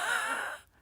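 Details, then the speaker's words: Adult with long COVID and multiple autoimmune conditions, breathless after minutes of talking: a brief audible breath with a high, whistling musical tone that fades out; wheezing. "that's the that's the wheezing I've got going on right now um so it's just a mess it's just a total mess"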